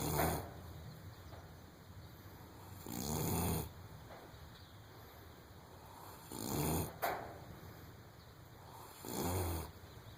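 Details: Foal aged 3½ weeks, by an AQHA sire, who snores like this all the time: low, rumbling snores on each breath, about 19 a minute, with quiet gaps; snoring during sleep.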